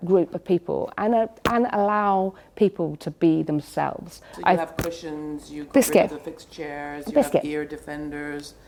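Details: Adult women speaking; normal speech.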